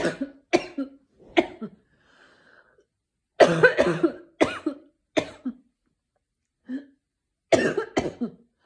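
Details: About ten short, forceful coughs in bursts and pairs, separated by quiet pauses, from a person with a sore throat since the morning.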